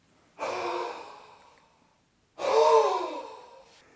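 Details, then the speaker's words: Huff cough (forced expiratory technique) demonstration: full breath in through the nose, then two forceful open-mouth breathy huffs, each fading over about a second, to loosen and clear mucus. "take a full breath in through the nose and then Force the air out through your mouth to create a huffing action"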